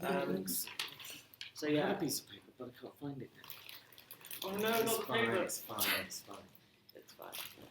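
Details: Stammering in an adult male computing lecturer living with a speech and language disability, who says he has been "breaking up" on the phone for 30 years.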